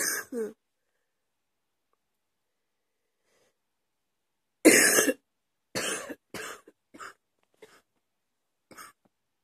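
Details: Night-time coughing fit at 2 AM after waking in the middle of the night: a short cough, a pause, then a burst of several dry, harsh coughs trailing into smaller ones; cough.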